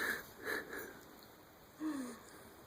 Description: Lucy is our 10 year old mini-doxie and she snores!